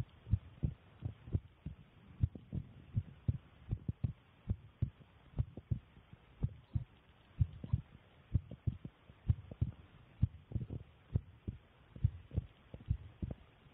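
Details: Self-recorded normal resting heartbeat captured with a phone: soft, low paired heart thumps at a steady resting pace, roughly 90 beats a minute.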